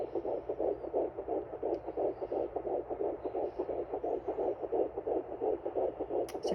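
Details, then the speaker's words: Fetal heartbeat on a Sonoline B home fetal Doppler at 10 weeks 2 days of pregnancy, probe low on the belly above a C-section scar. The display first misreads the rate, then settles at 150–159, much faster than the mother's. "so it looks like it's not reading correctly but you can definitely hear it because my heart rate is not that fast"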